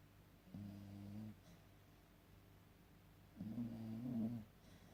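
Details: Two low, droning, buzzy breath sounds a few seconds apart in a quiet room while asleep; snoring.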